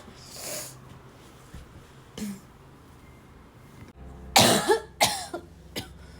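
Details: Afternoon coughing fit in a girl, starting weak and growing violent: faint breaths and a soft throat sound, then a cluster of four harsh coughs over about two seconds.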